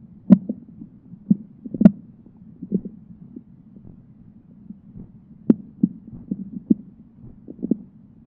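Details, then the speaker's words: Stethoscope diaphragm on the right lower abdominal quadrant of an adult, before percussion or palpation, picks up irregular soft high-pitched gurgles and clicks every few seconds with short pauses; normal bowel sounds. "Let's start in the right lower quadrant. Bowel sounds are most common here and sound like high-pitched gurgling every few seconds."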